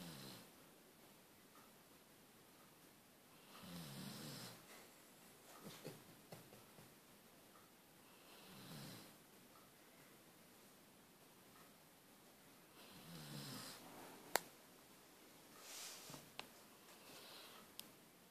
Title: Newfypoo snoring head off